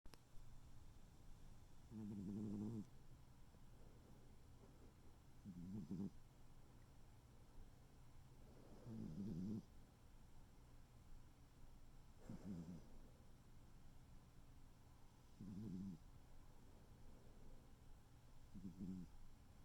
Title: tuxedo cat snoring